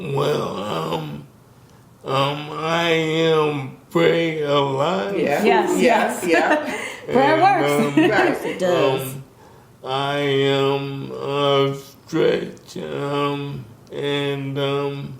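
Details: Man in his 60s with ALS; symptoms began in 2017 with a raspy voice, diagnosed in 2020; the disease started by affecting his speech, and he speaks with a delay; dysarthria due to ALS.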